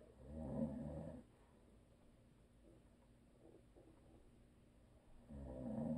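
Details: Adult man, habitual snorer, asleep: deep, rumbling inspiratory snores separated by a few seconds of quiet breathing; snoring.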